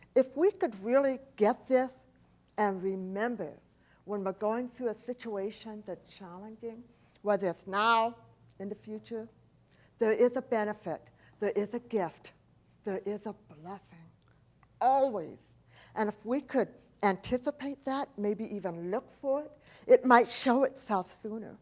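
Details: Adult woman, profoundly hearing impaired since age 4, when a 106-degree fever destroyed about two-thirds of her hearing; she does not hear S, CH or T sounds; speech impediment, not an accent: deaf speech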